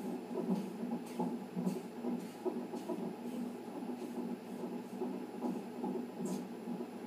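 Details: Fetal heartbeat on a Doppler monitor during a reactive non-stress test at 37 weeks of pregnancy with polyhydramnios: rapid whooshing pulses over a steady hum, about 140 a minute, within the usual fetal range.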